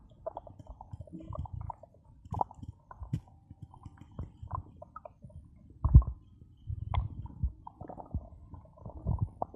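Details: Own abdomen recorded for ASMR while drinking cola: low gurgling rumbles and bubbly pops in irregular bursts, ordinary stomach growling (borborygmi).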